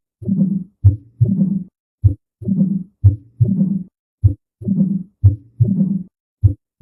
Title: Ruidos cardiacos 2